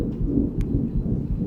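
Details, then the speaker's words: Heart of a one-year-six-month-old Yorkshire terrier: a continuous low washing-machine rumble with no separate S1 and S2. Continuous murmur of patent ductus arteriosus. "no so it's continuous so that's your wonderful PDA yeah and I say wonderful because sometimes cardio could be um quite sad but with a PDA we can do a procedure and it's Curative"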